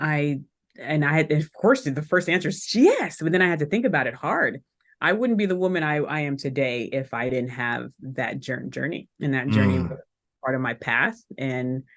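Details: Adult woman who still stutters today, speaking in a podcast interview: stuttering.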